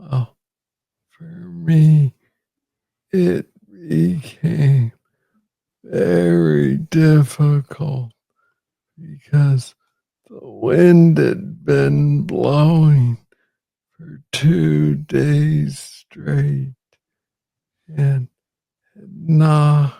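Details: Man with Parkinson's disease, diagnosed in 2014 at age 35 after it was first misread as tennis elbow; real conversational speech, slow with long pauses; hypokinetic dysarthria.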